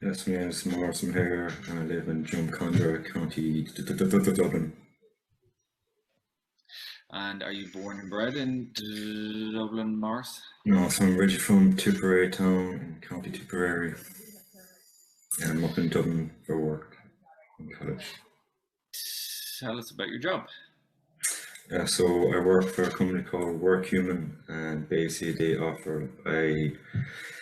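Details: Stuttering in an adult male who stammers, recorded on the first day of a stuttering course, before the programme.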